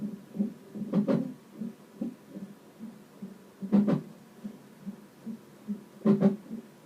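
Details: Fetal hiccups heard during a non-stress test at 33 weeks of pregnancy: quiet, fast, muffled fetal heartbeat on the monitor with louder double thumps at regular intervals, matching movement on the TOCO monitor.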